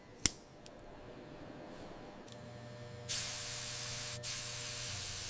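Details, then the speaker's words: Injured wild lion after limb surgery with drain and deep sutures: a click, then a steady two-second hiss of metallic aerosol barrier spray applied over the sutured wound. "A metallic barrier spray creates an external shield against dirt and moisture."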